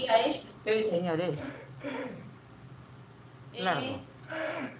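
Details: Male patient during nasofibroscopy with a verrucous lesion on the anterior two thirds of the right vocal cord, vocal cords still mobile; dysphonia.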